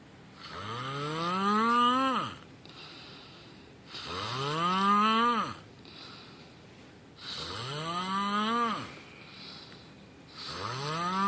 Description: If you snore like this, you should go see a doctor.